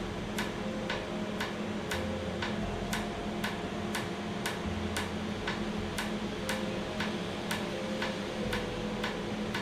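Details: Real laser tattoo removal in a clinic after numbing, with air cooling. Steady sharp clicks about twice a second over constant machine hum and tones as the laser fires pulses. Afterwards the treated skin is slightly raised and swollen.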